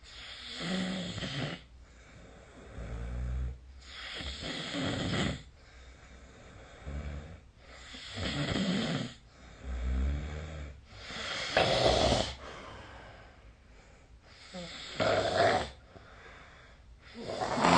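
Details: Sleeping adult snoring: repeated rough, rattling snores with breathy pauses, roughly 17 breaths a minute; snoring.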